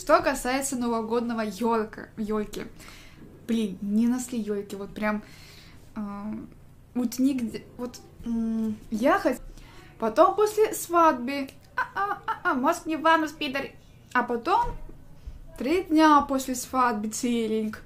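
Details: Streamer with Tourette syndrome; vocal tics with coprolalia, sudden obscene interjections occurring mid-sentence.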